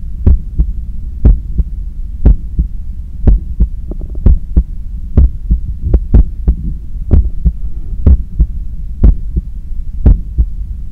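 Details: Normal heart sounds recorded at the neck, with a visibly strong neck pulse, while cooling down after a 10 km run: steady paired lub-dub thumps at about 60 a minute over a low hum as the heart recovers.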